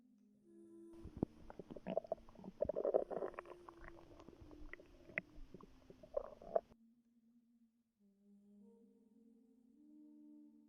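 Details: Stomach growling in a pregnant woman, relaxing before contractions began: gurgling, squeaky rumbles with bubbly pops over soft background music; ordinary bowel sounds.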